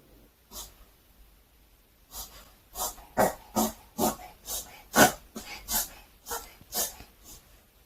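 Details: Reverse sneezing in a female Maltipoo born 2019-09-27, around dawn after drinking water: a run of sharp, snorting nasal inhalations, an episode typically lasting 10–15 seconds.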